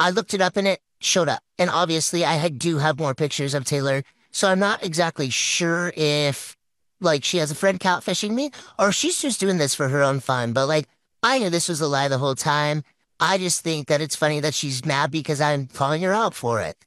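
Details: Single narrator voice, likely text-to-speech; plain speech (likely synthesized voice).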